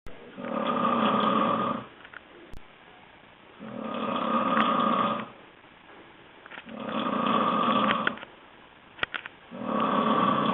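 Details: Snoring.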